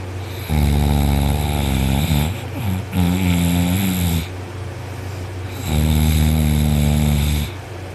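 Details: Person asleep on their back, arm over head, after a long workday: loud, deep, rattling snores with long, drawn-out breaths in, two in about eight seconds; heavy snoring.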